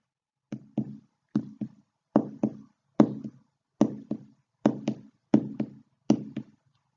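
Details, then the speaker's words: Normal human heart sounds: steady paired lub-dub beats, about 75 a minute. S1 is closure of the tricuspid and mitral valves at systole; S2 is closure of the semilunar valves at diastole. "ruido comprenden la sístole que es el cierre de las válvulas auriculoventricular es tricúspide mitral y la apertura de las semi lunares el segundo ruido corresponde a la diástole y es el cierre de las válvulas semi lunares y la apertura de las válvulas auriculoventricular es"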